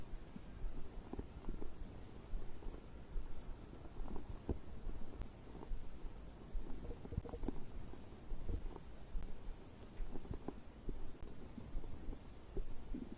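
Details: Soft irregular gurgles and bubbling over steady hiss; normal digestive bowel sounds (stomach growling) recorded after drinking a beverage.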